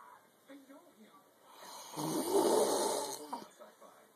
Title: Snoring but cute